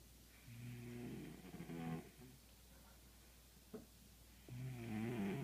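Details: Snoring in sleep: soft, low snoring, buzzing and vibrating on each breath in, with a quieter breath out.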